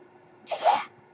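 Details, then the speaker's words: A single short airy whoosh of about half a second, like released air, in a quiet room: one breath from the speaker's home mechanical ventilator during a podcast recording. "My name is. That noise you hear is my ventilator."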